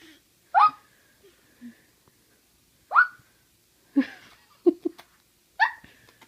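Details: A baby with hiccups: brief, abrupt, squeaky gulps recurring about every second, with faint breathing between.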